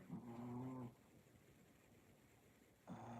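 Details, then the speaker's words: Dog with a smashed-up nose, described as the noisiest dog, snoring: loud, rumbling piglet-like snores on breathing in, with quiet pauses between them. "always cracks up she goes mom she is the noisiest dog I've ever heard she always makes you know well little well like a pig like a little piglet I know it's her nose her nose is all smashed up"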